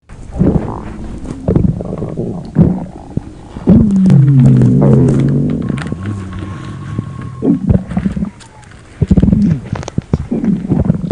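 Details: Loud, irregular gurgling and low rumbling of the belly with bubbly bursts and a sustained growl: stomach growling.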